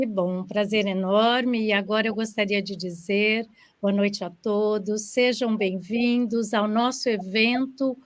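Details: Adult woman speaking Portuguese; no disorder.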